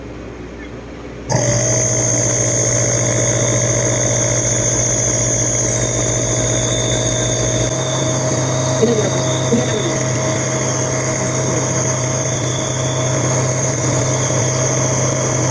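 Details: Nebulizer compressor switched on at night (about 10 pm) for a sleeping 9-month-old baby with cough and colds for over a week: sudden switch-on, then loud steady mechanical hum and buzz with constant whine.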